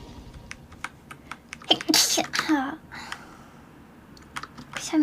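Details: Person sneezing repeatedly while playing VALORANT: one loud, sharp sneeze amid keyboard typing clicks; sneeze.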